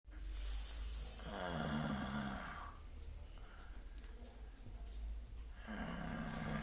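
Two long, low, rumbling snores on inhalation with a quieter breath between, over steady low room hum.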